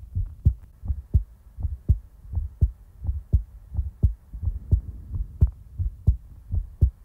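Steady, regular low thumping heartbeat at about 86 beats a minute, with no extra sounds.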